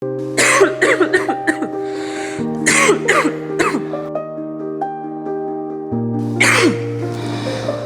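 Repeated bursts of acted adult coughing in clusters over steady background music.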